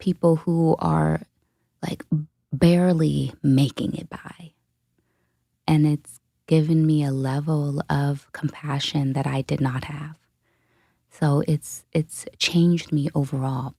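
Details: Adult woman, a dementia caregiver, who states she has a stutter; stuttering.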